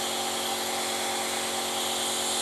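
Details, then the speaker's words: Nebulizer compressor switched on while a child sits upright on a lap wearing a child mask over nose and mouth: steady high-pitched mechanical hum and hiss of the compressor running continuously, mist coming out. "बच्चे को अपनी गोद में सीधे तरीके से बिठा के उसके सर के पीछे ऐसे इलास्टिक खींच के नाक और मुंह के बीच में मास्क लगा दीजिए और कंप्रेशर ऑन कर दीजिए।"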